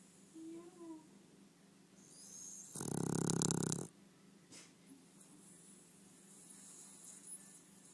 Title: Funny Snoring dog1